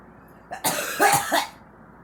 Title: girl coughing